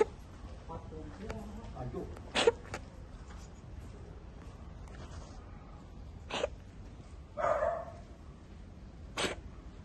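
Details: A dog gives several short, sharp coughs separated by pauses, over low room noise; cough.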